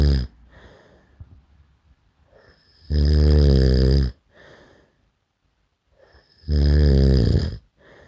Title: SNORING SOUND EFFECT